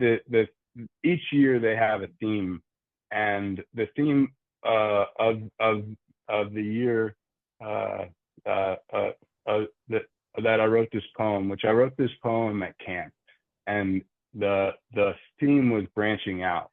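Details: Adult man who stutters, with frequent word and part-word repetitions and fillers; stuttering.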